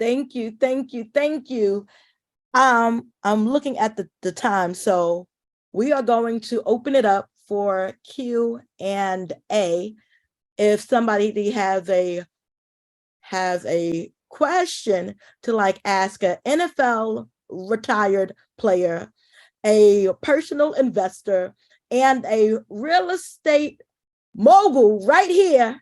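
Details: Adult woman who identifies as a stutterer, speaking as event host; word repetitions audible; stuttering.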